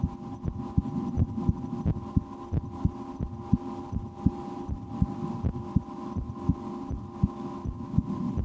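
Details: Own heartbeat heard through a stethoscope in a relaxation recording, breath held a couple of times while trying to speed the heart: steady low thumps about 80 a minute over a faint hum; normal heart sounds.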